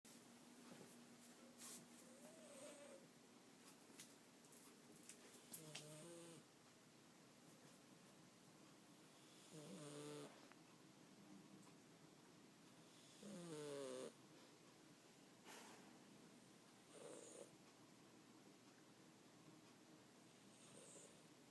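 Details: Dog asleep, snoring loudly enough to be heard over the TV: soft snores repeating at slow, fairly even intervals, about 16 a minute, with faint room noise between them.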